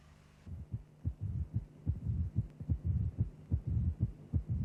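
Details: Simulated auscultation teaching recording of mitral stenosis: a mid-diastolic murmur following the left atrial-to-ventricular pressure gradient while the mitral valve is open; murmur loudness does not indicate severity.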